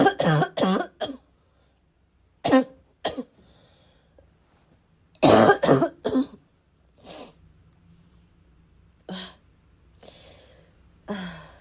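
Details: Persistent bad cough, described as a little wheezy, a little chesty and barking as always: repeated harsh barking coughs in bursts with throat clearing and snorting in a quiet room during a five-minute coughing fit.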